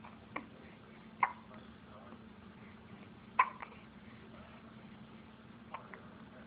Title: hiccup wont stop me from playing =')